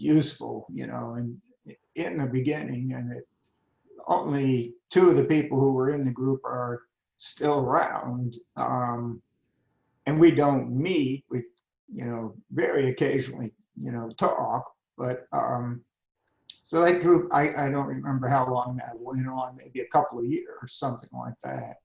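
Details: Adult man with spasmodic dysphonia beginning at age 51, managed without Botox. Finding: spasmodic dysphonia.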